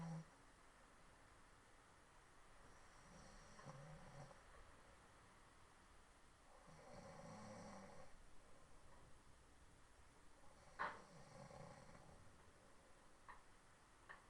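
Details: Woman sleeping and snoring: soft, low snoring breaths every few seconds with a brief snort, in a quiet room.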